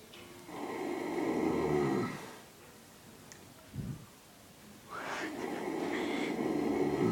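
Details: Horse snoring daily, loudest in a while: two long, loud, rattling snore breaths separated by a quiet pause with a soft snort; heavy snoring.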